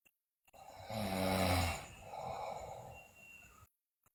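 One loud, rattling snore on a breath in, then a softer breath out: snoring during sleep.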